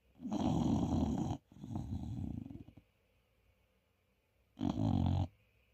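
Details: English Bulldog puppy snoring: long, loud, rumbling snores with pauses between breaths; heavy snoring in a flat-faced puppy.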